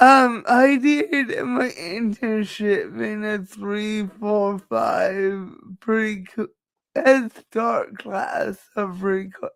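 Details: Woman with cerebral palsy, which she states is the cause of her speech and cannot be changed; dysarthria (cerebral palsy).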